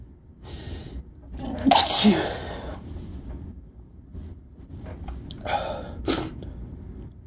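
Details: Tired sneezes from a person mostly recovered after a week-long cold: two sneezes, each a sharp indrawn breath then an explosive burst, in a small room.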